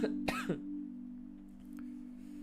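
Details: Two short, harsh coughs from a livestreamer who complains of annoying phlegm that is affecting their voice, with a steady musical hum behind the coughs.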